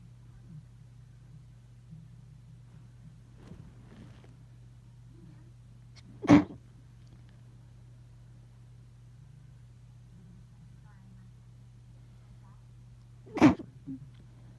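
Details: End of a sneeze fit, with some sneezes deliberately induced: two sharp, explosive sneezes several seconds apart, each preceded by a brief intake of breath, over a steady low room hum.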